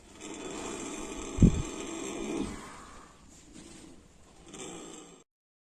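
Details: Horses caught sleeping early in the morning: low rumbling breath with a brief snort, consistent with snoring.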